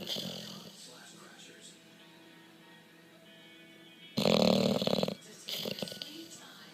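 Loud, rough, snorting snores in two bursts from a bulldog, with faint music and talk behind.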